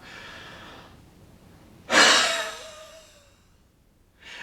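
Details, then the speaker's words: Huff cough demonstrated by a respiratory therapist for mucus clearance in pulmonary patients, after a deep belly breath: one forceful open-mouthed breathy exhalation. "you do a couple breath like this and then if it gets stuck then you can do a direct cough so you do one more Huff cough"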